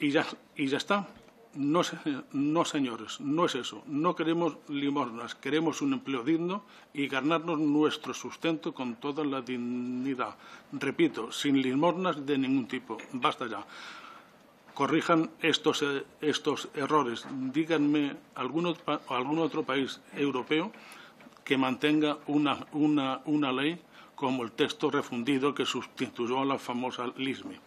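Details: 69-year-old man with self-reported stuttering, speaking publicly in person before a parliamentary disability commission; he says stuttering makes him take longer to say things than to think them; stuttering.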